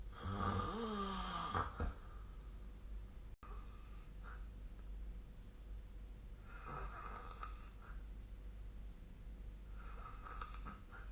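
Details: Sleep snoring recorded with a snore-tracking phone app (SnoreLab): loud, rattling snores on each in-breath, several seconds apart, with softer breathing between.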